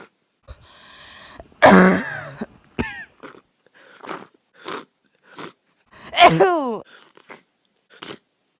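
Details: An adult with swab-confirmed influenza A, high fever, body aches, runny nose and congested coughing: two loud, harsh, explosive coughs with softer sniffs and throat noises between them.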